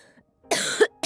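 A single harsh cough with a throaty ending, then the start of another, in a young woman with a cold.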